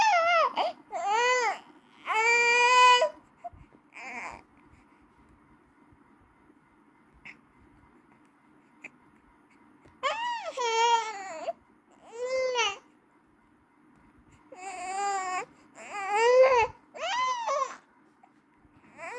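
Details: A baby cries in repeated loud, high-pitched, persistent wails separated by pauses and quiet breaths: infant crying.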